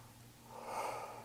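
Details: Nurse auscultating a patient's anterior chest at the lung apex just above the clavicle, patient breathing in and out through the mouth: soft airflow of a single breath, normal breath sounds without added noises.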